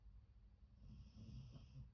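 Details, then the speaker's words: Female dog snoring behind the owner in a quiet craft room; a faint, low rumbling snore. "Um so, Jazzy, my dog, is here and behind me snoring in the craft room. if you can hear"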